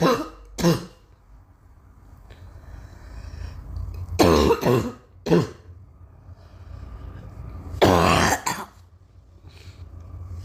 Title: Girl coughing 276